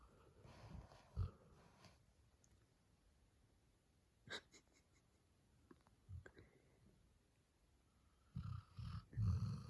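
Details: 8-month-old male black Labrador Retriever puppy asleep, snoring loudly: low rumbling snores in irregular bursts with quiet gaps and room noise; snoring.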